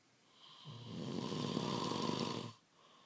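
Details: Male partner snoring in sleep before being woken: one long, rough, rattling snore lasting about two seconds, then quiet.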